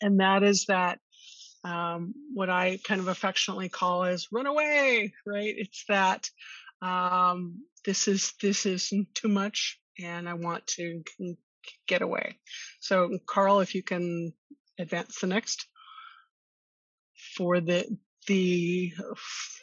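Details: Adult woman who stutters and attended speech therapy growing up; stuttering.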